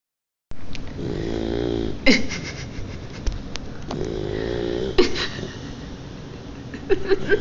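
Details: 3-month-old French Mastiff (Dogue de Bordeaux) puppy asleep, with slow, loud rattling snores on the in-breath, about two in seven seconds; ordinary snoring.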